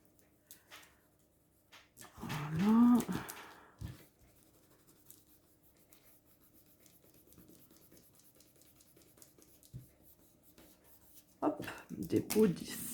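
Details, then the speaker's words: Adult's stomach rumbling before a meal: a low, drawn-out groaning gurgle with a rising squeal, then a shorter rumble; ordinary bowel sounds. "moi j'ai mon ventre qui gargouille je sais pas si vous avez entendu"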